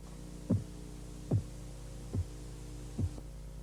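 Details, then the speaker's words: Blood pressure auscultation, Korotkoff phase 4: four soft, low, muffled taps at about 72 a minute over a steady hum; tapping drops in pitch and muffles, accepted diastolic reading in children. "Durante la fase Korotkov 4, el sonido de los golpeteos baja de tono y el sonido se amortigua. Korotkov 4 es la medición diastólica aceptada en niños."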